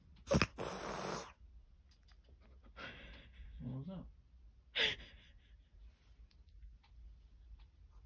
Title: Sleeping Grey Cat Sneezes And Wakes Itself Up